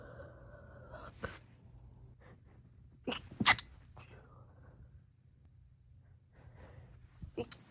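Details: Several stifled, held-back sneezes recorded while home alone, spaced over a few hours in different rooms and stitched together: short muffled bursts of air with little voice, separated by pauses over low room hum.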